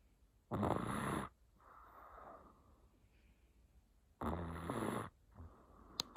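Two short, harsh snoring breaths in, each followed by a softer breath out, in a quiet room: a sleeping pet snoring.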